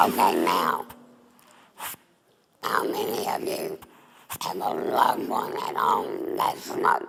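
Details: Adult woman, former smoker, with larynx removed for laryngeal cancer and a neck stoma: alaryngeal speech after total laryngectomy.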